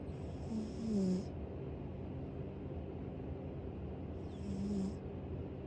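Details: Foster cat asleep: two soft, rough breathing sounds about four seconds apart over steady low background noise; cat snoring.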